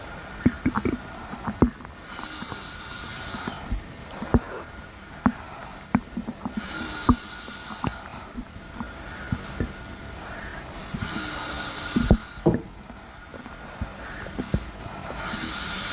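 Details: Oddly satisfying stomach grumbling (bowel) sounds: irregular gurgles and sharp clicks, with periodic soft breathing from a nearby person in the background.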